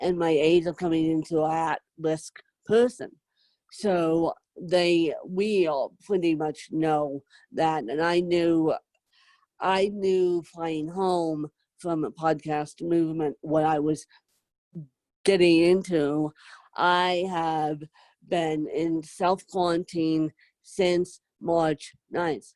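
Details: Adult woman with moderate to severe cerebral palsy, needing help 24/7; dysarthric speech (cerebral palsy).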